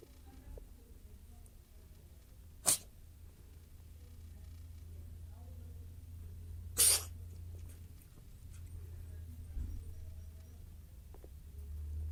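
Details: Two short, sharp cough-like expulsions a few seconds apart from a coughing cat, over a steady low room hum.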